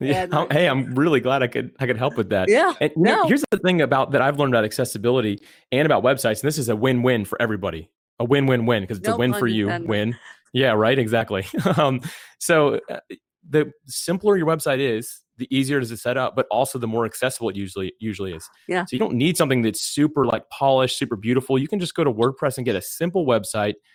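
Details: Adult male speaker; typical speech.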